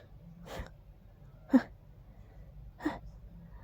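Three short breathy bursts, each a sharp gasp-like intake or release of air, fitting breathy sneezes in a quiet room.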